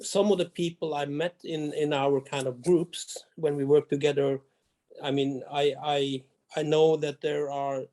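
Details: Adult Norwegian male diplomat who grew up with a severe stutter and has overcome most of it; he says his stutter is still audible, mostly as small blockages; stuttering.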